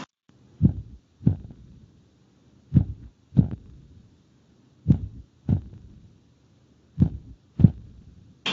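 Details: Bradycardia.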